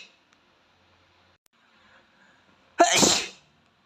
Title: Asian Boy Sneeze Competition